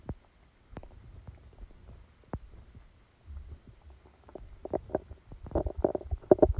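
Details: Stomach sounds recorded during a stomachache after Christmas dinner while the person slept: frequent gurgling and popping rumbles growing busier toward the end; active bowel sounds, stomach rumbling.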